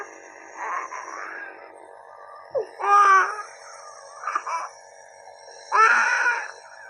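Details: A young child gives several loud crying wails over a steady machine hum during a home nebulizer treatment with a mask for a breathing-related illness; distress crying.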